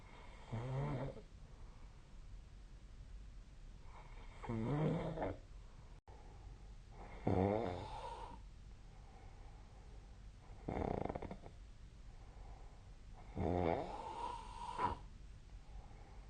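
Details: Nightly snoring recorded with a snoring app (SnoreLab): four rough, vibrating snores about every three seconds over a quiet background, roughly 15 breaths a minute during sleep.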